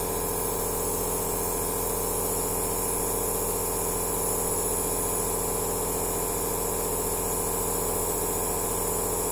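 Continuous mechanical hum and buzz with a steady rattling pulse, the running sound of a nebulizer compressor.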